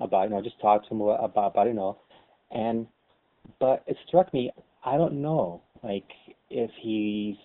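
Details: Lifelong stuttering in an adult, real, conversational speech in a webcam chat among stutterers; stuttering.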